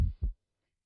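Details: Normal heart sounds heard by stethoscope auscultation during a cardiovascular physical examination, with the patient given deep-breathing and breath-hold instructions.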